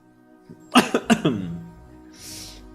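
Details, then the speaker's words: Adult man recovering from a sore throat, better than the day before, gives a short run of four quick coughs over soft background music. "I'm still coughing a bit as you can hear but it's going way better than yesterday so my Thro was um hurting a lot yesterday and now it's pretty much fine"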